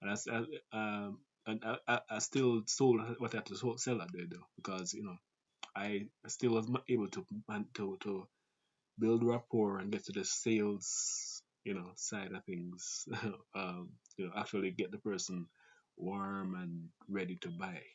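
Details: Adult Jamaican man with a family-inherited stutter (grandfather, father, siblings), who also reports talking fast and avoiding long multisyllable words; stuttering.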